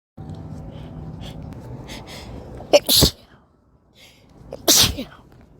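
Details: A sharp sneeze, then a brief pause and a second forceful sneeze, over steady background hum; a desperate-sounding sneeze near the end, followed by exhaling and panting; sneezing.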